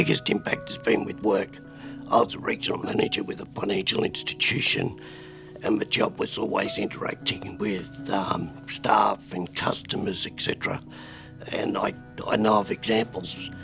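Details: Adult man with spasmodic dysphonia at the peak of botox treatment, given every few months, last about a month ago; voice at times spasmodic, often hard to hear or understand; spasmodic dysphonia.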